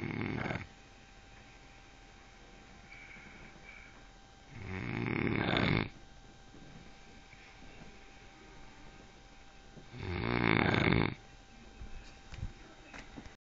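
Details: Loud rattling snores on each breath, about 11 a minute, with steady room hum between; snoring.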